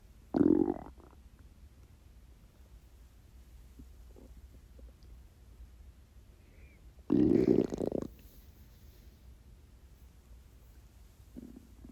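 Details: Two loud, low gurgling growls: hunger stomach growling (borborygmi) from a totally empty stomach during a self-recorded 24-hour fast.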